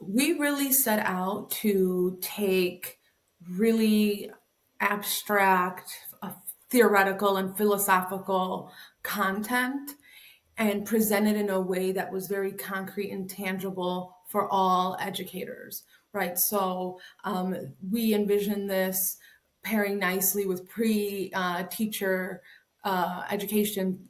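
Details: Adult woman speaking; Normal speech.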